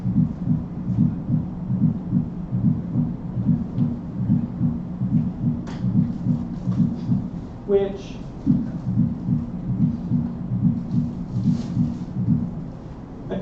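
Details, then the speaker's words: Cardiology lecture S4 atrial gallop example: regular low-pitched heartbeat near 72/min with a soft extra sound in late diastole just before each S1, from atrial kick before tricuspid and mitral closure; background music. "in late diastily almost right before the S1. And what you hear is you instead of a cleared kind of distinct lub you're hearing. You might be wondering why are you hearing that? Well, what's happening right before So the closure of your tricuspid and your nitro valves you're getting your atrial kick."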